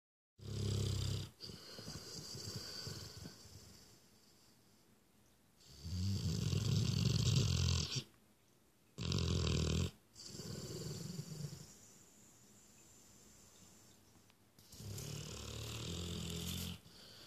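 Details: Loud, rattling low snores in repeated bursts, with shorter snorts between longer ones; snoring, recorded 2015.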